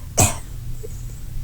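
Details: Weak cough from a person with ALS who uses a ventilator and has phlegm problems: a single short, shallow cough with little force, then quiet over a steady low hum.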